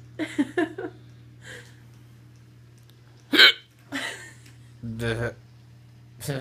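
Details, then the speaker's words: Patient with hiccups after surgery: sharp, abrupt voiced hiccups recurring every second or two over a steady low hum of room noise. "hi everybody on facebook i got hiccups and they suck but otherwise i'll as well meg yes indeed"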